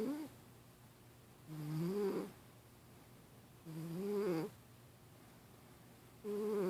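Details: Sleeping cat snoring while dreaming in REM sleep: slow, even cycles with a soft rising groan on each breath, about 27 a minute, and quiet pauses between.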